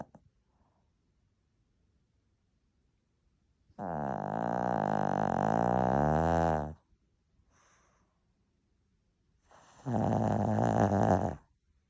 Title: How Can a Little Dog Snore So LOUD?! 🙉😴😂 #shorts #shihtzu #shihtzupuppy